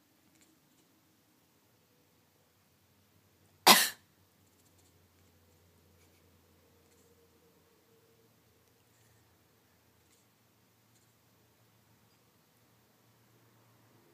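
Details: Cat coughing while her owner is sick: a single short, sharp cough in a quiet room.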